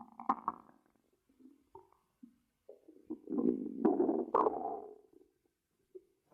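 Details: An ASMR recording made by monitoring a person's own belly: irregular gurgles and low rumbling bursts with quiet gaps. Ordinary stomach growling, bowel sounds (borborygmi).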